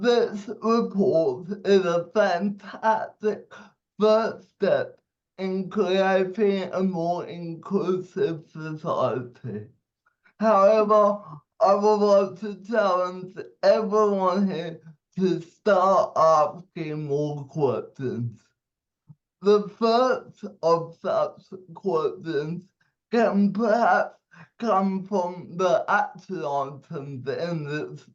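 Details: 27-year-old man with cerebral palsy giving a speech; dysarthria (cerebral palsy).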